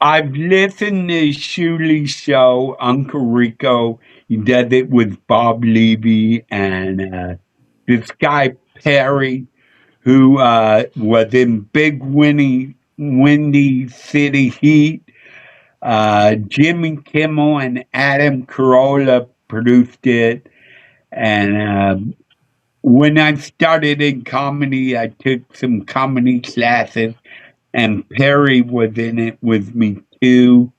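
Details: Adult male seen by a neurologist; MRI showed part of the back of the brain underdeveloped; as a child hit his head on a dashboard in a car accident, hospitalized a couple of days; often mistaken for drunk; slurred speech (possible dysarthria).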